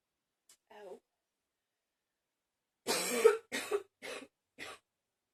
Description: Ten minutes of coughing.